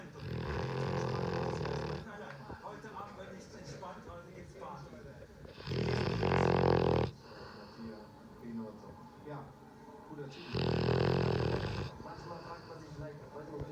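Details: Loud, rough snores with quieter snuffling breaths between them from a sleeping Labrador; snoring.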